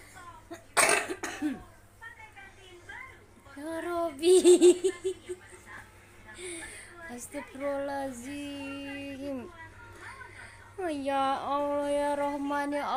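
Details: A mother coughs twice in sharp bursts amid a baby's babbling and household talk, with the baby in an active phase: cough.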